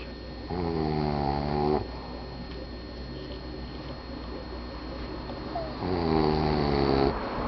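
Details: Snoring during sleep: two long, buzzing snores about five seconds apart, with quieter breathing between them over a steady room hum; ordinary snoring.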